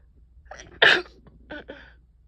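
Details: Single forceful, wet sneeze after a short indrawn breath, then quieter breathy sounds, in a person with a cold lasting over a week, with ongoing sneezing, coughing and profuse runny nose.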